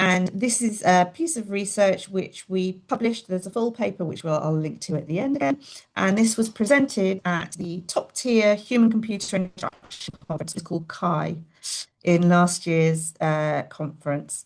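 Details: Adult woman speaking, presenter; ordinary speech.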